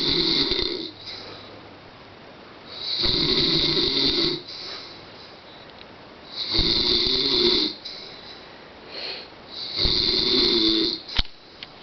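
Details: Loud, rough snores on each in-breath, about 18 a minute, separated by quieter breathing out; ordinary heavy snoring from the speaker's father.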